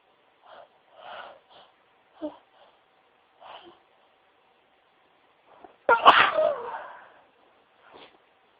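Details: Sneezing into tissues: several muffled sneezes and sniffs, then one loud sneeze that escaped the tissue, then a final soft sniff.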